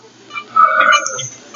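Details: Short, low, voiced grunts at the end of each breath out, two in under two seconds: expiratory grunting in a patient with advanced respiratory disease, oxygen saturation below 90% and somewhat variable heart rate on the monitor.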